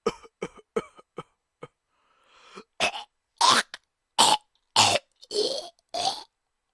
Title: Raw Coughing Audio